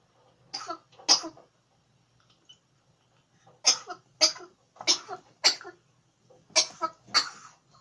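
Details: African grey parrot coughing: seven short, sharp, high-pitched cough-like bursts in small clusters separated by silence.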